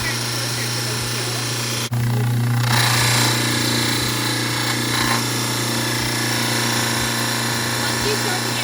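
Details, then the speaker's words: Steady motor hum with rising, rough grinding as the back of a dental stone study model is pressed firmly and evenly against the spinning trimmer wheel, keeping the teeth at the midline. "[Music] and you'll start grinding back and as you can see"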